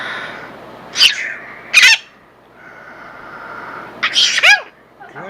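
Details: A small bird sneezes: two sharp, hissy sneezes, then a quick cluster of bursts with a brief chirp, over a steady background hiss.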